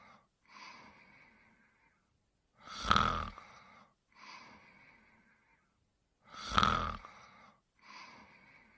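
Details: Simulated cartoon snoring sound effect (Pink Panther), not a real recording: loud, rough rattling inhalations alternating with softer whistling exhalations, about 17 cycles a minute.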